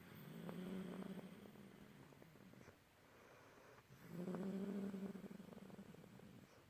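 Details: Woman snoring, described as very ladylike: soft rhythmic rumbling snore with a fluttering, purr-like quality on each breath, fading between breaths during sleep.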